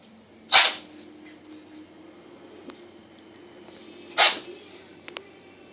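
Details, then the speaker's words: Cat sneezing: two sharp, explosive sneezes a few seconds apart, with quiet room noise between. "I call this the sneezing cat video. Kick one out there, Buttons."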